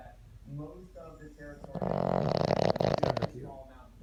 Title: The snoring boston terrior